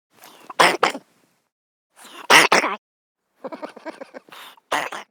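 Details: A man coughing during sleep: several harsh cough bursts in short groups with quiet gaps between them.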